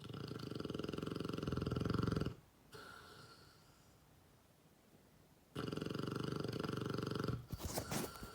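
Loud rough rattling snore through the inbreath, a quieter pause, then the snore again; dog snoring.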